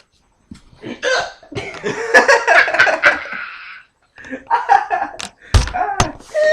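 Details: A person laughs, broken by sudden sharp gulping catches of breath, with two clear hiccups near the end; the person says they feel like throwing up while their mother records: hiccups.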